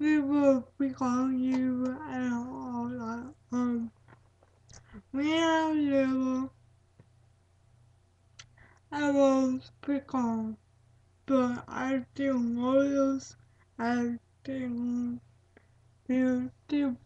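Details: Dysarthric speech in a female speaker with cerebral palsy.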